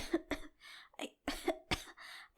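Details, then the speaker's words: Acted coughing fit from a fictional audio drama: a male best friend with hanahaki disease (coughing up rose petals, flowers and now a stem, with blood) gives about five harsh coughs with gasping breaths between them. "you're seeing all this right there the rose petals it was it was just petals at first but last week it became a full flower and then today it it was a stem"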